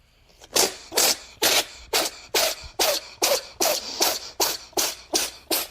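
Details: Cat sneezing; a rapid run of about a dozen short, forceful nasal bursts, roughly two a second; repeated sneezing.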